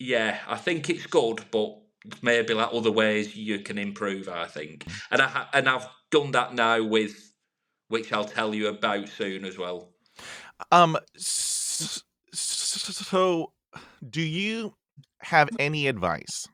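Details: Adult man from the UK who has stuttered for over 30 years, improved over about 3 years of therapy over Skype since COVID and public speaking groups, now no longer a big issue; stuttering.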